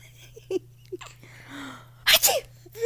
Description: My son laughing at sounds of sneezing.